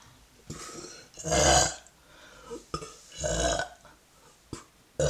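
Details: Two long, loud, voiced burps with a few shorter ones in a small room: repeated burping.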